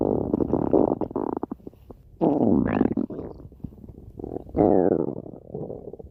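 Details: Stomach growling: loud gurgling, rumbling and squeaky rising tones in irregular bursts; ordinary bowel sounds (borborygmi).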